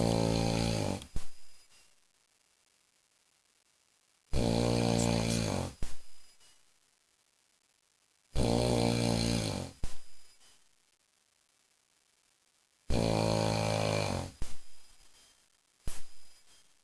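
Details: Husband snoring very loudly while 12 Angry Men plays: four loud, deep snores about every 4 seconds, roughly 14 a minute, each trailing into short snorts, with silence between.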